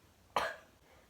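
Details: A nursing student demonstrates deep breathing and effective cough on an adult woman: after three deep breaths, she gives a single forceful voluntary cough to clear sputum and then reports relief.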